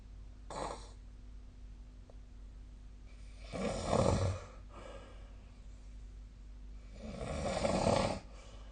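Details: Sleep snoring recorded with the SnoreLab snoring app: irregular, rough, rattling snores with a steady low hum in the room.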